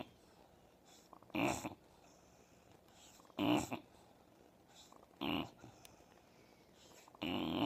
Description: Old English Bulldog Snoring